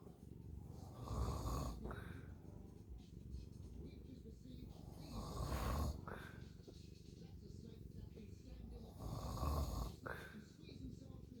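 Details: Snoring: slow, rough, low rattling snores, about three broad breath cycles in eleven seconds (roughly 16 breaths a minute), over soft background noise.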